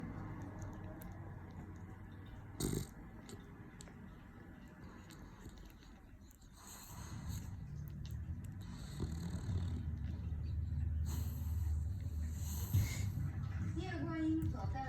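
Low, rumbling snoring that grows louder partway through, with soft smacking sounds mixed in.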